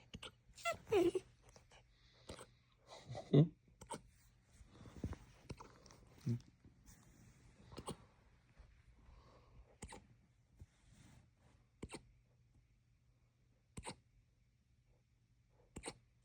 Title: Hiccup piggy